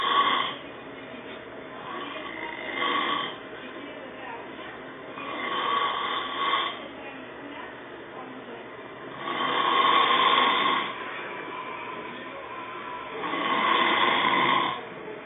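Loud, rough snores about every four seconds, roughly 15 a minute, with quiet breathing between them.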